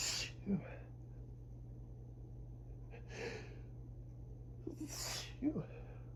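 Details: Early-morning (about 6am) rapid, breathless sneezing fit during high grass-pollen allergy season, allergic rhinitis; three forceful sneezes in six seconds, each with a sharp intake of breath, starting soft and growing stronger and wetter, over a low hum.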